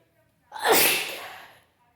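A single forceful, wet, hissing sneeze about one second long, fading out gradually; an ordinary sneeze.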